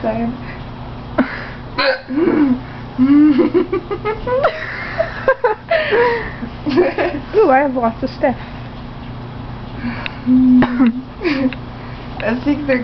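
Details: Child (Gabbie) with hiccups: abrupt voiced gulping sounds breaking in repeatedly between talk and laughter.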